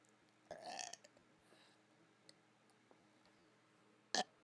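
Two muffled burps with the mouth closed, the second shorter and sharper, in a quiet room.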